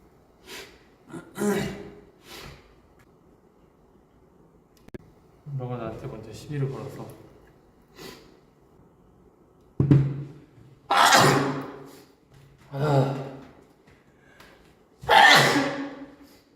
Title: sneeze(8), sniffle, cough, and throat clear